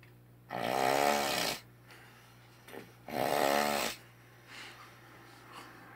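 Two long, loud rattling snores on breathing in, with quiet exhales between, in a small room; snoring.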